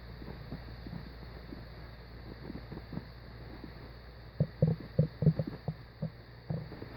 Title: Stomach growling